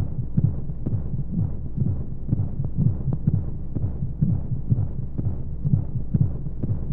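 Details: Womb-sound baby sleep aid with white noise: regular low double thumps of a heartbeat over a steady soft hiss, a womb-like sound.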